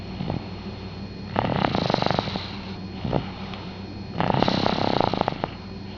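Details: Rhythmic fluttering snores on the in-breath, about two in six seconds, over a steady background hum, recorded November 2008; snoring.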